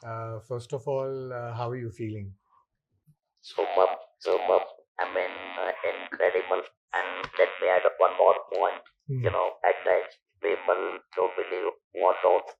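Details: Male survivor of stage 4 vocal cord (throat) cancer since 1997 (about 10,000 days), whose natural voice was lost after surgery; speaks with an electrolarynx device; electrolarynx speech.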